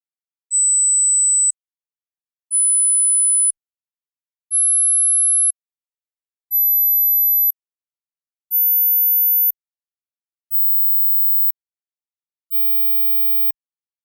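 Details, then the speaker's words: High-frequency hearing test played for headphone listening; the file holds seven tones, with fewer heard as ears age. Five steady one-second tones are heard, each higher than the last, separated by silence. "so to start things off I'm gonna play an audio file that has a specific number of tones and for the best results you probably want to get yourself a pair of headphones"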